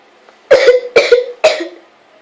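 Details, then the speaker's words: Cough in an adult with asthma and a persistent nasty cough, recorded while on the toilet: three forceful, harsh coughs in quick succession, each with a voiced, rasping tail. "So yeah, I haven't really been able to make videos that much because of my nasty cough, and I want my videos to be as best as they can, which I've already mentioned."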